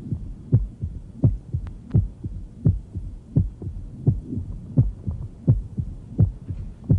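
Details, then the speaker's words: Tumor plop of left atrial myxoma at about 85/min, a dull, low-frequency thump in each cycle heard best with the bell, usually with a little presystolic murmur. "and then a tumor plop heard best with a bell usually a little pre systolic murmur"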